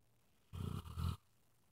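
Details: Sleeping dog snoring in a quiet room: a single short, low, rumbling snore; ordinary sleep snoring.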